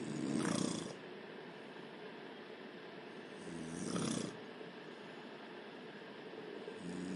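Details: Snoring from a sleeping woman: loud, rough inspiratory snores about every three and a half seconds, roughly 17 a minute, over steady room hiss; ordinary snoring.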